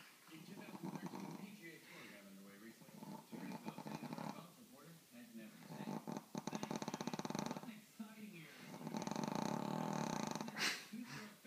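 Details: Loud snoring from a sleeping female Brussels Griffon × Pug cross whose flat face hampers breathing: rattling, fluttering snores said to drown out a TV at high volume, with TV talk in the background.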